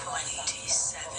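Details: Simulated auditory processing disorder sensory overload: overlapping voices, music and Peter and the Wolf narration blur into a dense, hard-to-separate wash of sound.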